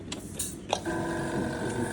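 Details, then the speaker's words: A few switch clicks, then a steady tonal whine as the high-speed dental handpiece on a portable dental care unit starts running during a demonstration. "So you can operate the hand highspeed hand piece the first switch."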